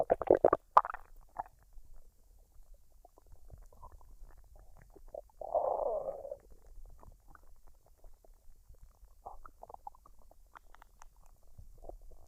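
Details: Woman's stomach digesting a meal of fried rice and duck, recorded unedited with no talking: scattered gurgles and squelches with one longer bubbling rumble; normal borborygmi.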